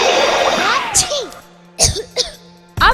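About four short, harsh coughs over background music, acted for an advertisement.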